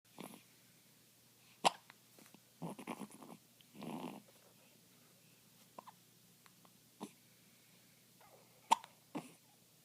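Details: Soft brief catches and small breathy sounds: hiccups in a baby a few days old.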